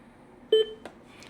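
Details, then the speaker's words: A single short electronic beep with a softer tone after it as an AED trainer is switched off by holding the green button, during a demonstration on a training mannequin after child pad-placement voice prompts. "to switch off, you simply need to put your finger on the green button there and you delay a bit and then it will switch off."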